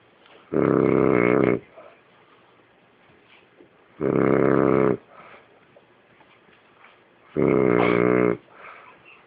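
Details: Snoring: three loud, rough, buzzing snores about every 3.5 seconds, with quiet pauses between them.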